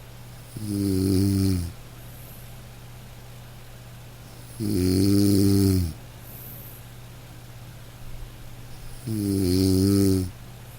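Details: Sleeping dog: three gentle, low, buzzing snores in about eleven seconds, around 14 a minute, over soft rain; ordinary sleep snoring.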